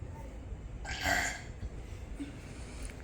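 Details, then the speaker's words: Kids' burp competition with Pepsi drinking: one loud, rough burp about half a second long over room noise, an ordinary belch. "Wait, I got this. Wait, stop. You guys doing burp competition?"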